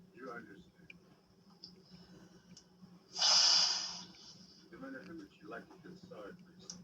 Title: beautiful girl sneezing with tank tops